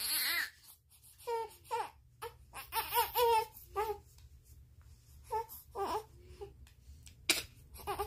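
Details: 30-day-old baby crying hard from hunger while waiting for milk to be heated: loud, rhythmic wailing with short gasping pauses, in a small room; an infant hunger cry.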